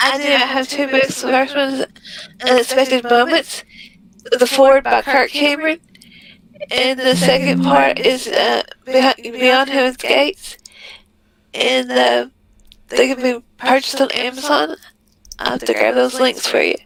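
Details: Voice tremor in a woman with multiple system atrophy diagnosed in 2021; tremors are audible in her voice, noted as very common with MSA.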